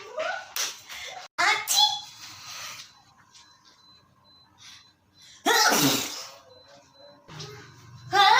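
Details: Several loud, sharp sneeze bursts in different styles, acted out for comedy with brief voices between them; simulated sneezing.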